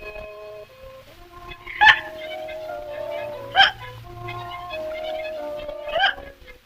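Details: Acted hiccups by an actor in the 1931 Laurel and Hardy film Laughing Gravy, likened to a seal: three loud, sharp hiccups about two seconds apart over background music.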